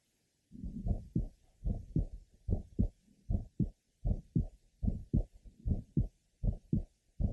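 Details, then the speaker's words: 15-year-old asymptomatic girl with a congenital bicuspid aortic valve, at the third left sternal border: an early systolic ejection sound (click) with a grade 3, somewhat musical systolic murmur, regular rhythm about 75/min. "the ejection sound is still well heard here in addition to the aoic systolic merma"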